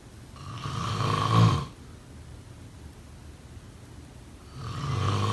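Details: Snoring.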